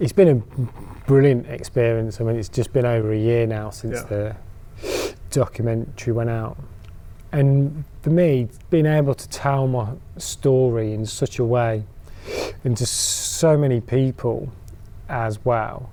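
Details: Adult man who stammers: stammering (stuttering).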